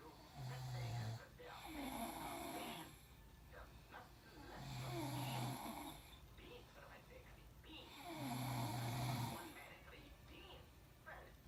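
Two sleepers snoring together: loud rough low rattling on each breath in, about 17 breaths a minute, with softer overlapping snores between.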